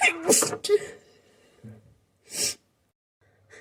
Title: sneezing fit and stifles